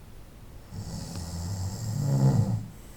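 A single low, rumbling snore on the in-breath, rising and fading over about two seconds; snoring during sleep.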